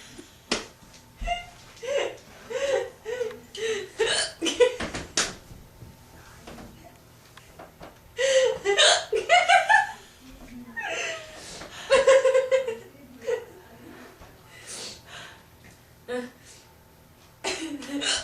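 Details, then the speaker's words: Person with a bad bout of hiccups after a long night of dancing: repeated abrupt hiccups in quick irregular clusters mixed with giggling and laughter; laughing is said to bring the hiccups on. "Remember you always whenever when you laugh you would get the hiccups."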